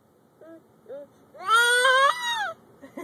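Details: A grandson, coached by his grandparents to fake sneeze ("chew"), gives two soft whimpers, then a loud wailing cry lasting about a second that rises and falls in pitch, in a quiet room: infant cry.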